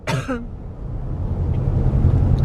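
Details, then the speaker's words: Person who says they have a cough, recorded in a moving vehicle: one short, voiced cough over steady low road rumble; cough. "And as you can hear, I have a cough."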